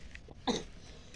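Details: Single short, sharp, somewhat voiced cough from an infant still bothered by a cough during a morning walk outdoors, against a quiet background.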